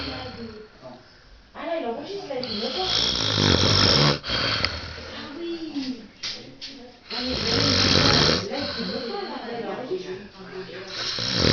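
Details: Adult man snoring in his sleep after an evening of heavy drinking (vodka orange): loud, harsh, rattling snores with snorting on each breath.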